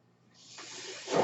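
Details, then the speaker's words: Person who uses a mechanical ventilator, speaking: soft airy hiss swelling over about a second into a louder rush of air; mechanical ventilator breath cycle. "That noise you're hearing is my ventilator, and thank you for tuning in to Dates, Journeys They Were Not, my Star Wars podcast."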